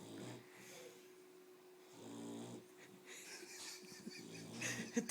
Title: Patch snoring